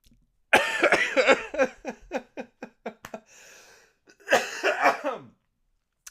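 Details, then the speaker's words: Adult with a lingering cough of nearly three weeks, on NyQuil, has a coughing fit while talking: about a dozen rapid hacking coughs, a wheezy catch of breath, then another burst. "I had a cough for the better part of a month it's been going on for nearly three weeks now and I just can't get rid of it"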